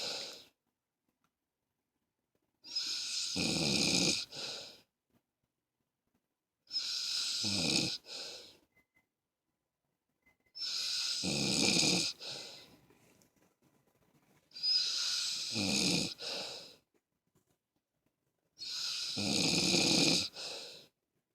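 Five harsh, rattling snores on inhalation, about 15 a minute, with silent pauses between them: snoring.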